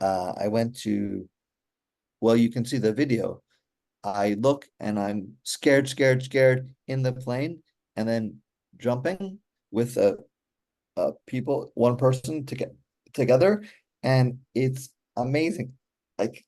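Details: Real adult male stroke survivor with aphasia since a stroke during surgery for hereditary mitral valve prolapse in 2007, recorded in 2024; he still finds communicating hard; aphasia.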